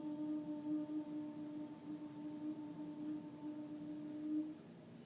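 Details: Clinician demonstrating a deliberately breathy sung note, the unwanted version in Vocal Function Exercises; breathy voice.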